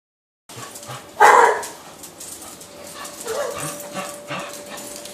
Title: coughing